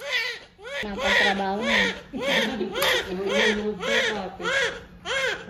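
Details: Newborn just delivered at 39 weeks, mother's fourth baby, in a lying-in clinic: loud, rhythmic wailing cries, about 9 bursts, strong and high-pitched; a vigorous newborn cry.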